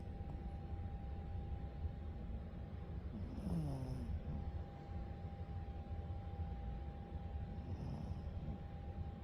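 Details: Sleeping female dog gives one loud, rough, rumbling snore and a fainter one later, over steady low background rumble and faint hum; snoring.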